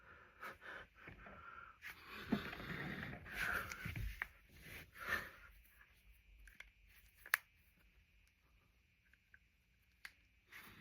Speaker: Yes, I cracked all these knuckles.